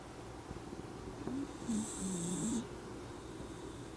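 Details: Miniature dachshund sleeping pleasantly, snoring (stertor): a single rough, rattling snore on the in-breath over steady room noise.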